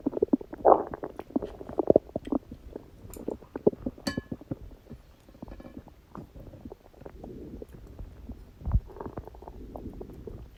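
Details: Stomach growling (borborygmi) after eating cake on a birthday: irregular gurgling, bubbling and rumbling from the belly, ordinary bowel sounds.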